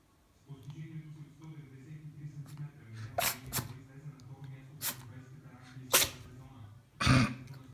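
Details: Pomeranian dog born in 2015, sneezing when it wants to play: several short, sharp snorting sneezes, about five in a few seconds, over low room hum.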